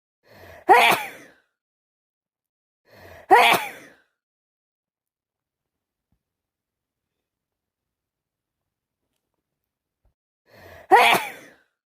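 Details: Three sneezes, each a quick indrawn breath then a sharp explosive burst, separated by silence; day 5 of a cold, still sneezing.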